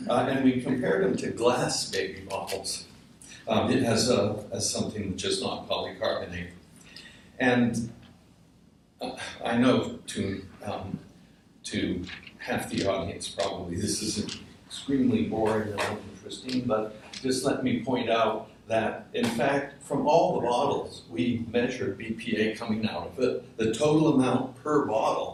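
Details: Adult man with essential tremor; voice wavers; voice tremor (essential tremor).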